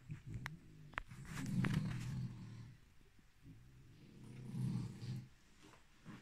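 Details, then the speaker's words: Snoring from resting French bulldogs lying behind the speaker: two long, low, rattling breaths a few seconds apart, with faint room noise and clicks. "donc désolé pour le bruit que vous entendrez de ronflements"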